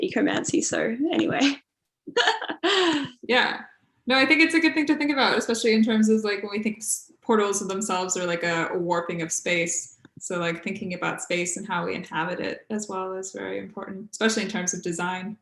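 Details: Adult woman speaking; ordinary speech.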